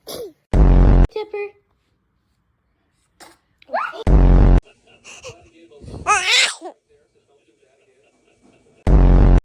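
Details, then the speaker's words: Baby sneezing: three sharp, loud sneezes spaced a few seconds apart between soft baby sounds, with adult blessings. "Oh bless you. Oh bless you. >> Oh, you sneezed on me."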